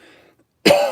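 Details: Persistent post-viral cough from a speaker who reports feeling lethargic, unwell and low on energy.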